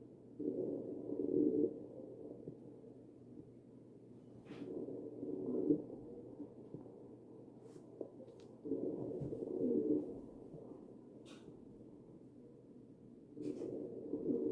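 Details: Wheezing heard over the chest of a ventilated patient.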